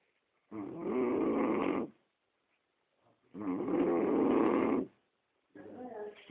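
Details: Snoring: loud, rough, vibrating snores lasting over a second each, about 21 a minute, separated by silence.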